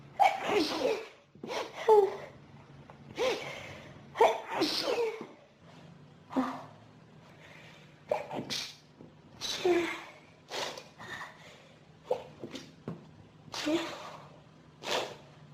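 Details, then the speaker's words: Sneezing fit in an adult with pollen and dust allergies since about age 14, triggered by room dust: rapid run of about a dozen repeated sneezes with gasping breaths between; nose burning, needing tissues; allergic rhinitis. "My nose is on fire. I just can't sneeze all the dust out of it. I keep needing more and more sneezes."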